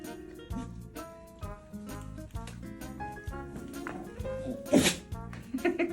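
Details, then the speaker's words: A Husky dog's single sharp, husky sneeze, described as sounding like Donald Duck, heard over steady background music. "재채기했어 왜 이렇게 자꾸 거기다 비벼대 왜 저래"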